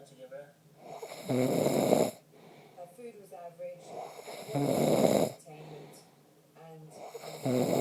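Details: Loud rattling snores on each in-breath, about three in the clip, with quiet breathing and faint background talk between, from a snorer whose girlfriend complains about the snoring; ordinary snoring.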